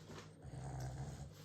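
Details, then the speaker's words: Dog asleep on a chair gives a low, rumbling snore with a rough, buzzing quality; snoring. "you are loud she's on one of the chairs down here"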